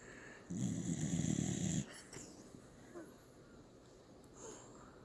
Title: Snoring dog